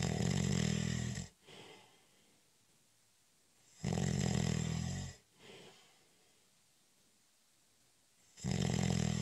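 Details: Snoring during a short, light nap (a doze): regular loud snores about a second long, separated by quiet out-breaths, roughly one cycle every four seconds.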